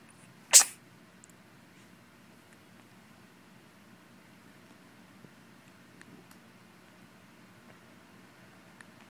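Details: One sharp, hissing burst, then quiet room noise with faint small sounds; a morning bout of hiccups.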